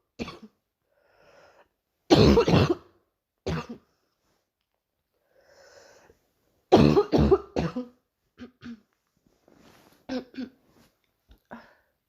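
Recurring bouts of deep coughing, about a dozen coughs in clusters, with quiet breaths between bouts.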